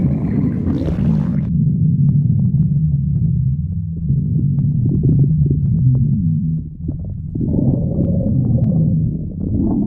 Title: Hungary stomach growling